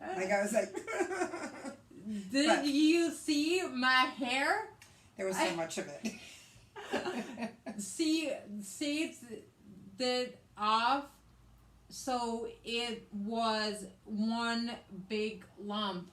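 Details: Woman with aphasia after a hemorrhagic stroke in May 2020, also with right-sided hemiparesis, treated with brain surgery and an ICU stay; the aphasia also affects her reading and writing; post-stroke aphasia.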